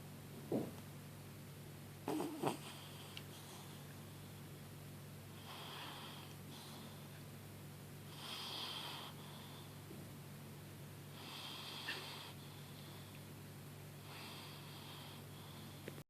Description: My cat is snoring on the couch :)